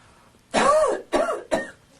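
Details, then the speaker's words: Acted demonstration of cough etiquette about germ spread: three harsh coughs in quick succession, the first longest, muffled as if into a sleeve; cough. "you will now see a series of coughs and sneezes performed by random subjects there coughs will be judged by our panel of three infectious disease experts dr. Graham stain dr. blood Haggar and dr. polymorph"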